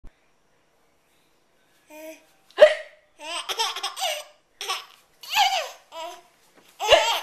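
Sharp hiccup-like catches in the breath mixed with bursts of giggling and laughter. Hiccups with laughter.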